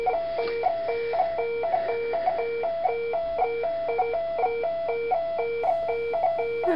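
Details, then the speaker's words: Steady repeating two-tone electronic desaturation alarm from a pulse oximeter monitor as an adult's oxygen saturation falls to 79% during a voluntary breath hold after hyperventilation; heart rate 77 and saturation 97% at baseline. "as you can see I managed to desent to 79% which set of the Des set alarm on my monitor"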